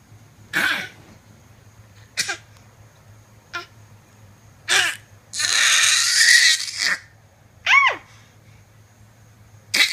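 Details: Several short, high-pitched coughs from a young child, spaced a second or two apart, with one longer hoarse outburst in the middle: cough.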